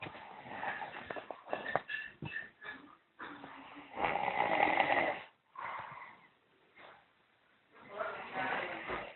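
Irregular, rough snorting snores with gurgling breaths and short pauses, heard through a muffled recording. Snoring.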